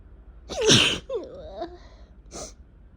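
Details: Spring sneezing in a person who suspects allergies and has also had a cough for two weeks: one loud, forceful sneeze, then a brief voiced sound and a softer breathy puff.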